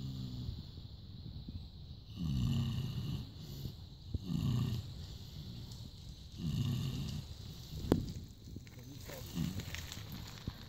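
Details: 18-year-old pig snoring: low rumbling snores recurring about every two seconds, roughly 28 a minute, over faint outdoor noise.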